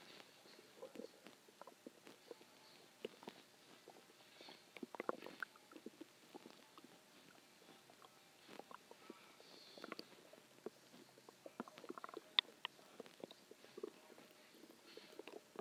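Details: Stomach growls a few hours after a huge meal (cheeseburger, fries, eggs, onion rings, cheese stick, chicken tenders): scattered gurgles, squelches and brief rumbles; normal bowel sounds.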